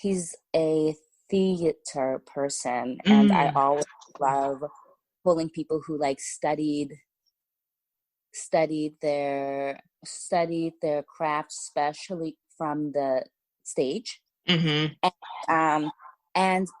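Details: Stuttering in an adult woman writer who says she has a stutter that listeners may hear and that it was more severe in the past; part-word and word repetitions.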